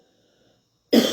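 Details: Adult woman gives a single short, sharp cough after near silence while preaching a devotional: cough.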